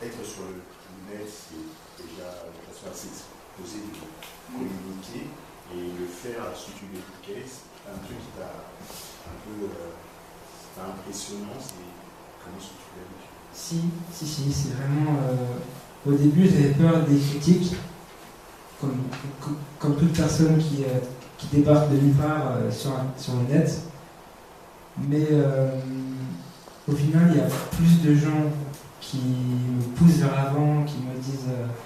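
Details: Stuttering in a 22-year-old man who has stuttered since about age 5, roughly 17 years.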